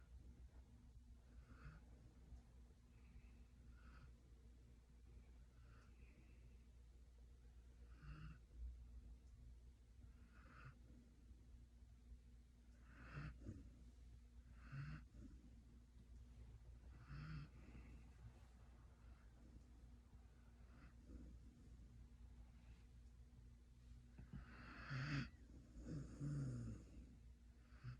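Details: Sleeping female puppy snoring on a bed after Thanksgiving dinner: steady rhythmic breathing with soft snorting snores on each breath over a low room hum.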